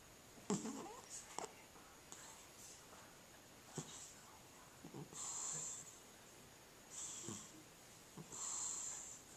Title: Cat Snoring